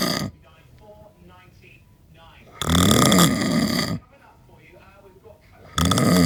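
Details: Adult snoring after drinking eight pints of lager, likened to a farm animal: loud, harsh inspiratory snores about every three seconds, roughly 20 a minute, with quiet gaps between.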